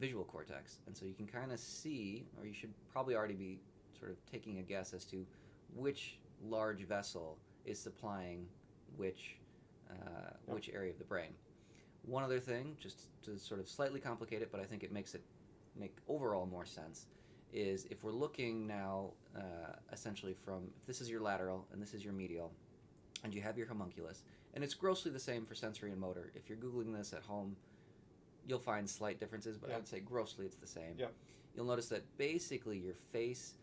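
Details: Adult man; normal speech.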